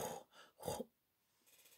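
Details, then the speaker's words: An adult with sleep apnoea, using a breathing device for 13 years, imitates loud snorting gasps, the breathing resumption after an apnoeic pause: obstructive sleep apnoea, imitated. "il fait par exemple d'un seul coup il fait pendant quelques secondes et après ça fait comme ça respiration puis"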